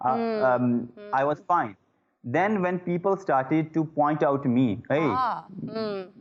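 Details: Adult male who stammers, with repeated 'uh' disfluencies: stuttering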